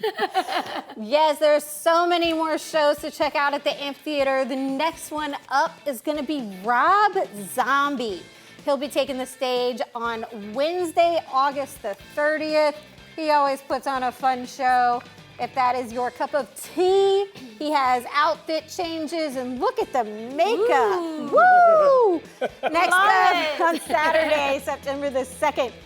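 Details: Adult woman speaking, with background music; normal speech.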